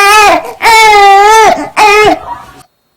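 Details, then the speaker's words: Newborn fussy cry meaning gas and a need to burp: three short whining, fussy cries. "들어보시면 지금 어 나 지금 트림하고 싶어요 가스 찼어요 약간 요런 소리로 해석하시면 돼요"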